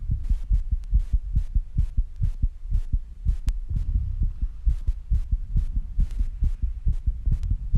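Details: Rapid heartbeat after rebreathing and squats: fast, regular low thumps near 136 a minute with heavy breathing noise after exertion.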